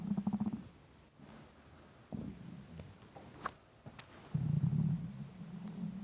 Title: Intense stomach rumbling hungry